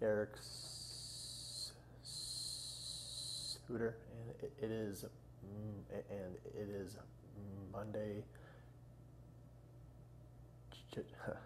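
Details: 30-year-old man who has stuttered all his life, after 25 years of speech therapy, stating his name and the date before a two-week Hollins Communication Research Institute fluency program; stuttering.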